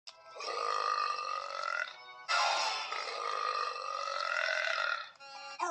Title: burps compilation 71